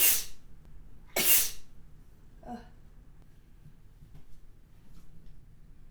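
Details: Two forceful, hissing sneezes in a quiet room, followed by a soft sniff; sneeze.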